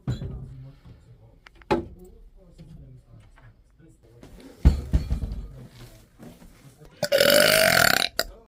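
Loud burps heard among family chatter and background music, including a long drawn-out belch near the end.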